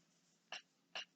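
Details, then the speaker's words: Someone sneezes in the background; allergies or pollen are suspected, though he had not been outside that day. The windows are open, heavy rain is falling and felt markers are squeaking. "On entend qui éternue. Il y a les allergies là, le pollen, c'est peut-être ça."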